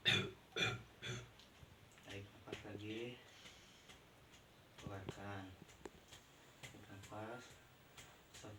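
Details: Simulated nursing demonstration on a 21-year-old man: several forceful cough bursts after deep breaths in, with back patting and voiced sounds between; effective coughing to clear sputum.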